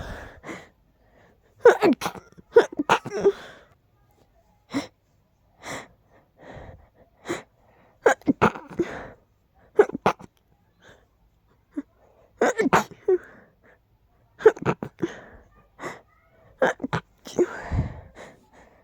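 A long run of forceful, sharp sneezes, often in quick doubles, with brief breathy gasps between; a repeated sneezing fit.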